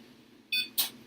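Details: ECG monitor beeping in time with the heartbeat of an anesthetized, intubated animal during surgical anesthesia monitoring, with QRS/PQRST waveform displayed; heart rate noted as looking a little low, then judged fine.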